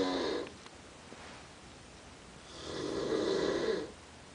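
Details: Father asleep: two loud rough snores on breathing in, with a quiet pause between them; ordinary sleep snoring.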